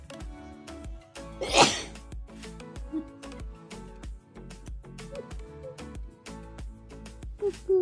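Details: A cat sneezes: one sharp, explosive sneeze with a smaller burst near the end, over loud background music.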